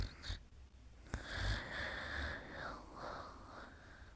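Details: Snoring during sleep.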